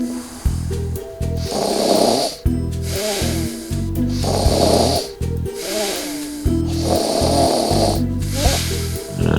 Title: Silent Partner quiets the snoring noise like magic